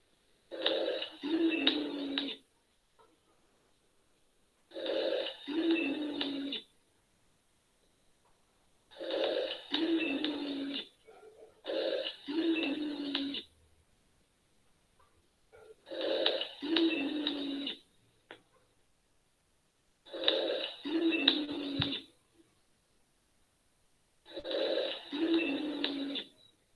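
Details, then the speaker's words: Wheezing played in a nursing class as the most commonly heard added lung sound: repeated breaths with a whistling, musical tone. "y el último tenemos las sibilancias que el sonido más comúnmente se suele escuchar digamos"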